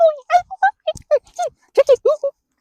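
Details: Man with Tourette's, who says daily meditation keeps it at bay, imitating the high-pitched noise a person with Tourette's makes when happy and excited; vocal tics, high-pitched (imitated).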